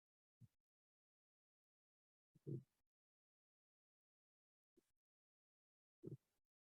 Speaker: apologies if you can hear my dog snoring she's being very loud while you're brain dumping there